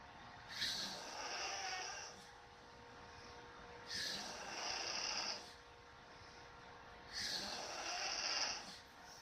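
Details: A sleeping female dog's snoring: three rough, airy breaths about every three seconds, near 18 a minute, with a faint steady hum behind.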